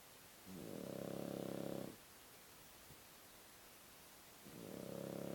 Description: After 2 hours of intense and intrepide game, the puppy sleeps... and snores.